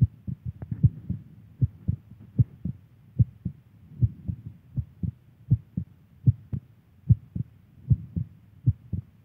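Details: Steady heartbeat with clear paired lub-dub sounds at about 70 beats a minute, recorded from a girlfriend; normal heartbeat.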